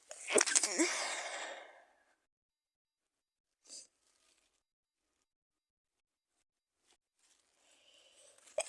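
One loud, forceful sneeze with a sharp burst of air, followed by quiet and faint sniffing.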